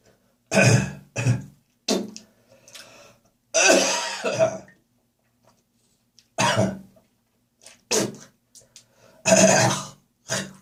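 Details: Heavy morning coughing session in autumn with gagging and spitting: repeated harsh, wet coughs and throat clearing with a longer hawking, gagging effort; productive cough.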